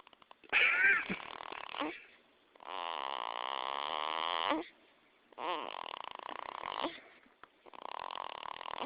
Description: baby boy sleeping so good he's snoring